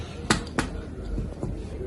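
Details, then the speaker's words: Abdominal examination, percussion starting at the xiphisternum and moving inferiorly toward the symphysis pubis; a tympanic percussion note is heard. "so we start at the Z sternum and we are going to workus and usually we will notice a tanic note we are moving inferiorly and we will continue to move"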